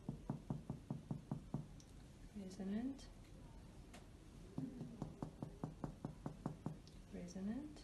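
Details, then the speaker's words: Finger percussion over the anterior chest during a simulated respiratory examination, starting in the supraclavicular fossae and over the clavicles, left to right; rapid hollow taps giving a resonant note over normal lung. "alright so for percussion I will start in the supraclavicular fossa are always completely left to right resonant resonant and for the clavicle I will focus directly resonant resonance"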